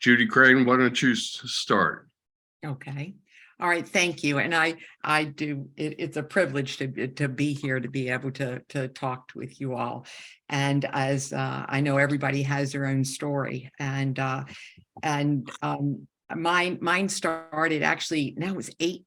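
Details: Woman who had a stroke at age 47 during surgery for an aortic dissection, with right-side loss and significant aphasia; about a year of speech therapy, still has residual aphasia symptoms; aphasia.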